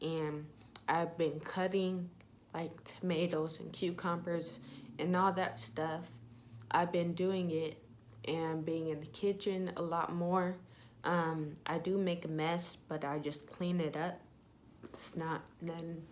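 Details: Young woman with self-reported ataxia type 46, with symptoms beginning in high school, who says her voice trembles whenever she talks; voice tremor (ataxic speech).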